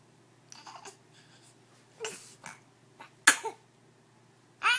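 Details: Coughing followed by a yawn: cough.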